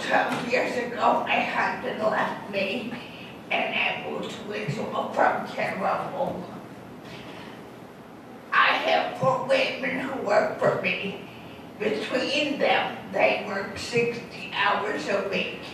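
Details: Adult woman with dysarthria after a massive stroke that left her unable to walk and with lost balance; she reports a pronounced, audible speech impediment.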